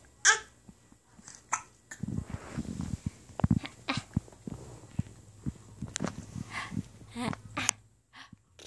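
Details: A 3½-month-old baby girl babbling and breathing, broken by several sudden short hiccup sounds: infant hiccups.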